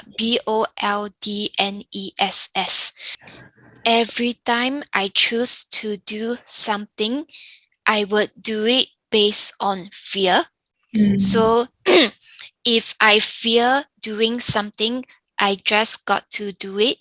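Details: Younger adult woman with aphasia following a stroke; aphasia.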